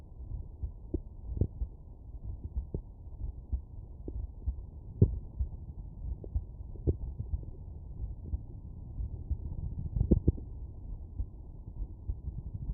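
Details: Muffled low thumps of a child's resting heartbeat heard by stethoscope membrane at the mitral area (apex); normal pediatric heart sounds.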